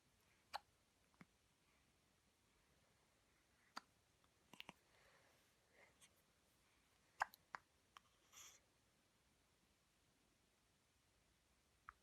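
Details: One-week-old baby girl, wrapped in a blanket and resting on her mother's chest, in her first bout of hiccups after a yawn: soft, brief hiccups at irregular intervals with faint clicks between, in a quiet room.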